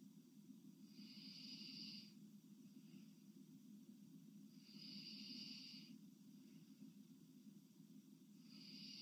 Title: Sleeping girl with loud and heavy breathing #shorts #sleep #breathing